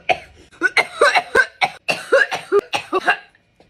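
A rapid run of about a dozen harsh, voiced coughs right after inhaling vapor, an irritant coughing fit.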